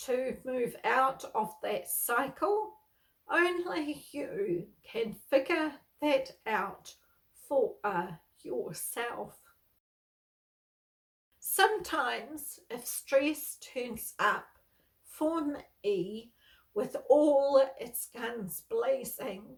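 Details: Spasmodic dysphonia, a neurological voice disorder, in an adult woman who has lived with it for over 38 years; she reports that stress worsens her voicing and speaking.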